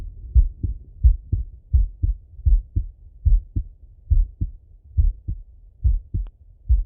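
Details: Adult male's own heart auscultated with a stethoscope: steady paired lub-dub sounds about 72 beats a minute, normal rhythm; normal heart sounds.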